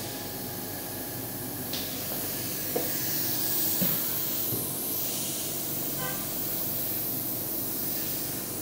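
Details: Continuous airy hiss with a low machine hum and faint puffs from an oxygen concentrator running.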